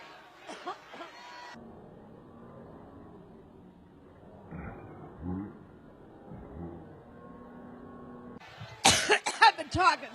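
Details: Brief cough and throat clearing, then a louder burst of harsh, repeated coughs with room noise between.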